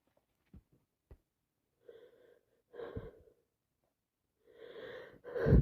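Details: Day 3 of a common cold caught from a relative, with constant sneezing: sharp inhaled gasps followed by several wet, explosive sneezes, ending in a loud final burst.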